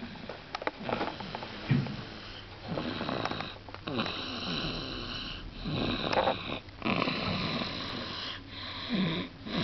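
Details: Snoring recorded 24 February 2013: repeated rough, rattling snoring breaths with some whistling nasal noise at fairly short intervals in a quiet room.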